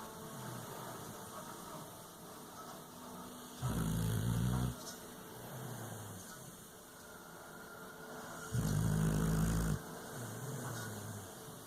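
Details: Sleeping bulldog snoring: two loud, rumbling snores about five seconds apart, each with a softer snort between, over steady room hum.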